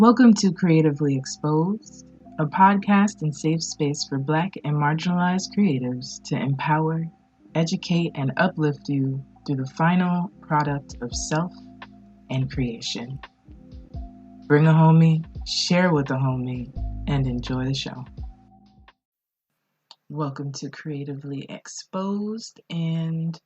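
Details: Adult speaker; normal speech.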